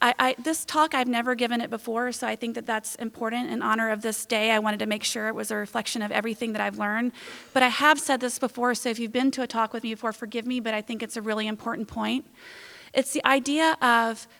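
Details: Adult woman giving a talk; fluent speech.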